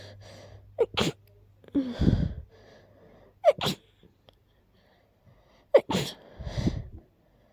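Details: Three quick sneezes, each an inward gasp then a sharp congested burst, from someone who is currently ill with a very stuffy nose; sneezing with a cold.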